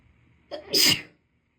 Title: Itchy Allergy Sneezes (f)